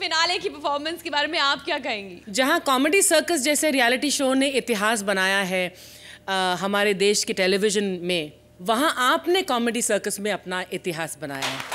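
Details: Adult woman speaking Hindi; normal speech.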